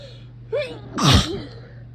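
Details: Person deliberately inducing sneezes by putting things in the nose, fan running: a short in-breath then one sharp, loud, unstifled sneeze over steady fan hum.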